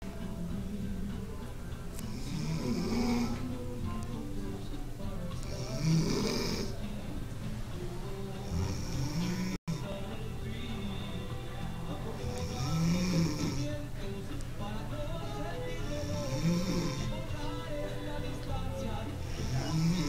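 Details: Co-worker who fell asleep on a break: low, rattling snores recurring about every 3 seconds, roughly 18 a minute, with music playing in the background. Snoring.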